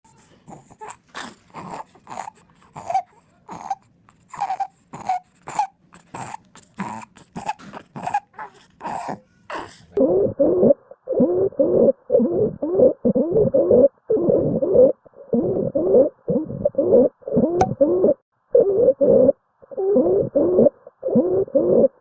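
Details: Child with stridor from a narrowed upper airway: rapid, harsh, high-pitched crowing breaths with distressed crying.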